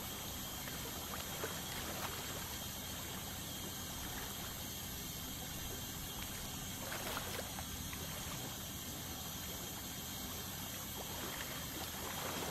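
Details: Dental scaling to remove tartar during a dental cleaning: a continuous hiss of water spray and suction with a faint high buzz from the ultrasonic scaler.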